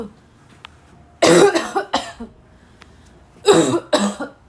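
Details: Four harsh, forceful coughs in two pairs, with a raspy edge, separated by brief pauses in a quiet room; a girl's hard, barking coughing attack while sick.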